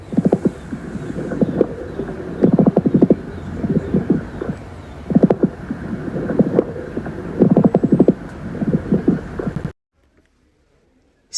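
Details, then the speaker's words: Coarse crackles: low-pitched, bubbling clicks recurring with each breath, early inspiratory and possibly biphasic, from air passing through secretions or fluid in larger airways; causes given include COPD, asthma, heart failure, pneumonia and bronchiectasis. "ando el aire pasa por estas secreciones o acumulación del líquido, este se produce como como un abre y cierre intermitente de las vías aéreas, lo que produce pues precisamente el sonido de burbujeante."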